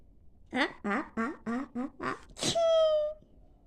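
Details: Sneezing: several short voiced bursts amid someone laughing, then a sharp explosive sneeze that trails into a held tone.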